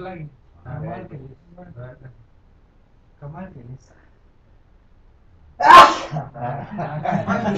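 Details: Man sneezing after pain-killer spray was sprayed into his nose: quiet voices, then one loud explosive sneeze followed by talking.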